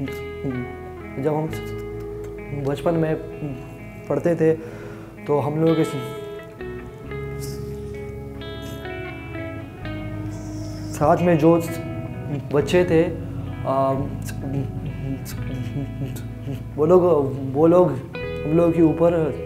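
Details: Adult man who has stammered since childhood, worsened after other children laughed at him and he stopped talking; stuttering.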